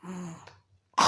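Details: Imitated hawking for postnasal mucus, for teaching: mucus stuck in the nose is first drawn inward, then hawked and cleared from the throat.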